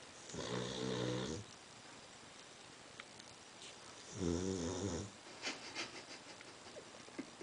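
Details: Snoring: two long, buzzing, rattly snores on the breath in, separated by quiet pauses, with faint room noise between.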